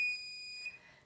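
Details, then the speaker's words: A single clear high-pitched electronic beep from a T34 McKinley syringe driver as the information key is held to unlock the keypad during a pump check; syringe driver keypad beep. "I hold it down wait for the box to clear and the beep"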